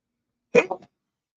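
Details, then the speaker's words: A single short, sharp, partly stifled sneeze from an adult podcast host in an otherwise quiet room, with a brief voiced tail; he says he is not sick. "Sorry. Little sneeze. I apologize on that."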